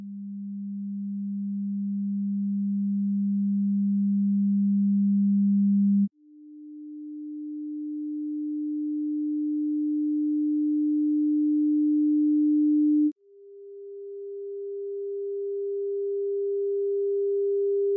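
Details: Tinnitus pitch-matching test using pure sine tones from 200 Hz to 14000 Hz: three steady tones stepping upward in pitch, low to mid.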